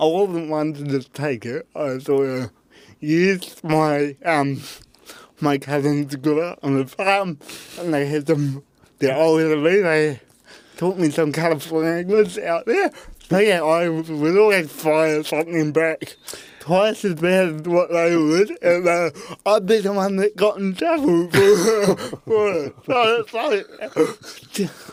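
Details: Adult man with cerebral palsy; his parents were told at birth he would likely never walk or talk; dysarthria (cerebral palsy).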